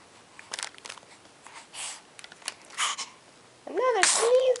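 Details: Two-month-one-week-old baby boy sneezing: several soft, breathy bursts and sniffs, then a brief fussy cry.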